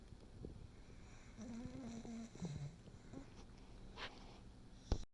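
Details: Snoring in a resting 6-year-old female English Bulldog, possibly awake with eyes half open: soft low rattling snore sounds with brief whimpery tones.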